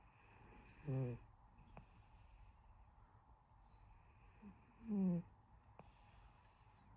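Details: Cat sleeping, gentle snoring: two short, soft snores about four seconds apart with faint breathing between; snoring.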